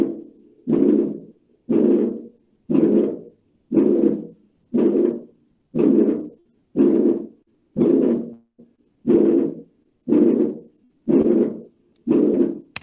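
A regular heartbeat near 59 a minute, each beat carrying a long, low, blowing sound with quiet pauses between: a systolic murmur.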